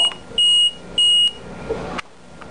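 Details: LP10 ventilator with the high-pressure limit set at 60 and the low-pressure limit at 10: repeated loud, high-pitched electronic beeps in short bursts; high pressure alarm.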